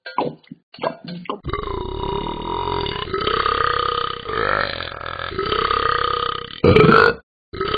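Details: Simulated burping from the Talking Ben the Dog app: a few short throaty sounds, then several long, loud, rumbling belches with a steady vocal drone, ending in one brief burst.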